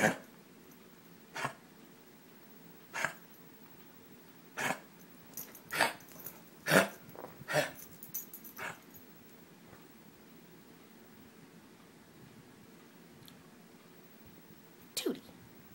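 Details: Dog coughing whenever she gets active, climbing onto the couch: a run of short, harsh, dry coughs, spaced apart then clustered together; cough.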